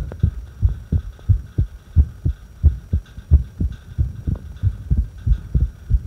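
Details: Irregular heartbeat recorded during a breath hold: low thumps, about 90 a minute, with uneven spacing between beats over a faint steady hum.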